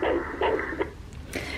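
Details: Fetal heartbeat replayed from a heartbeat bear recorded at an ultrasound session: rapid whooshing pulses, roughly 150 beats a minute, over light room hum.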